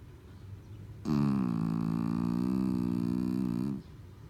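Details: One long, loud, steady buzzing snore lasting under three seconds, with a droning, voiced quality: snoring.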